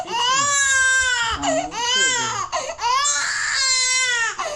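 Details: 6-month-old (24-week) baby girl during three vaccination injections, one on the left and two on the right: loud, high-pitched, sustained wailing in long cries with brief gasping breaths; distressed pain cry.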